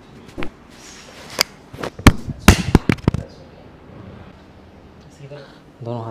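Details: A female patient takes and releases breaths on instruction during a chiropractic spinal adjustment; a quick run of sharp cracking pops, which is joint cavitation.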